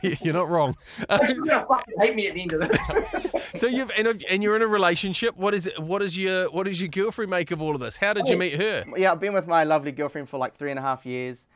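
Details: Adults in conversation; ordinary conversational speech.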